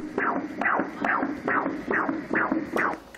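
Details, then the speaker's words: Doppler fetal heartbeat of the first of triplets, steady rapid whooshing pulses at about 140 per minute; the mother has been hospitalized with uterine contractions since 28 weeks. "이게 첫째 아이 지금 심박동이고요. 큰애하고 두 번째는 거의 비슷할 걸로 생각이 되고요."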